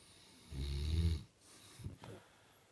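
One deep, rumbling snore on the in-breath, then a softer breath out: low-pitched snoring during sleep.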